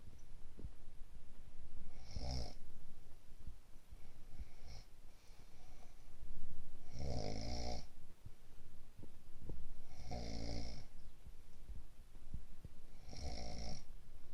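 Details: Rough, rattling snores roughly every three seconds, about 20 a minute, over steady room noise, from a sleeper who has a cold: snoring.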